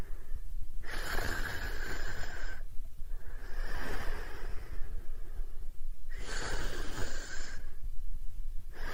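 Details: Snoring during sleep: slow, regular noisy breaths, about two cycles in nine seconds, each with a rough, whistling edge.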